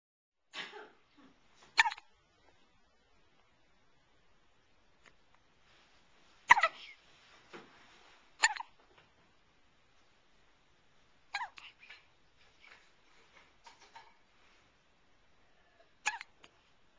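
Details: One-month-old baby girl with hiccups: about six brief, abrupt hiccups at irregular intervals, with small breathy noises between them.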